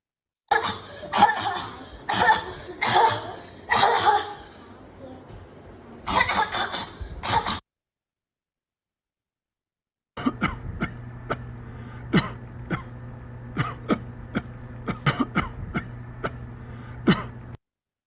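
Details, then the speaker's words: Habit cough (somatic cough syndrome) in a child from India and an adult: repeated loud, dry, honking coughs, then short sharp dry coughs over a steady hum; chronic daytime cough absent once asleep. "so what we've seen is uh a child uh from uh India and an adult uh both coughing and this type of cough can go on continuously throughout the day and its characteristic is that it's not present once asleep"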